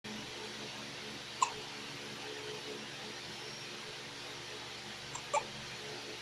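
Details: Hiccups: a quiet room with two brief, sharp, clicking catches a few seconds apart.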